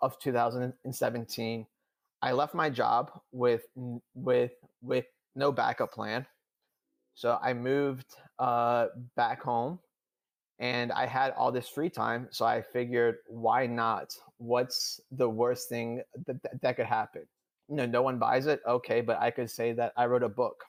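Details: Adult man who stutters, who says he stuttered more than he had in years during a public talk; stuttering.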